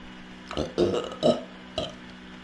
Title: Girl Burps and Hiccups Uncontrollably